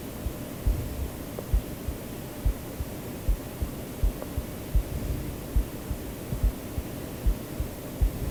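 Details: Self-recorded heartbeat of the creator, mixed into a white-noise sleep-aid track: soft, regular paired low thumps at roughly 70 beats a minute beneath hissing white noise, a normal heartbeat.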